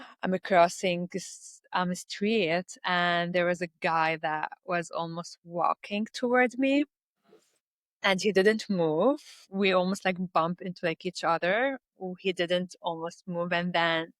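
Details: Stuttering in an adult woman who reports blocks in her speech.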